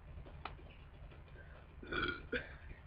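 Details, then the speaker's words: Person deliberately burping after drinking freshly opened root beer, as a home experiment: two loud, drawn-out belches with low room noise in the background. "what I'm gonna do is Chuck and then I'm going to jump up and down and then you never really loudly it's going to be quite amazing I enjoy doing it because it feels funny"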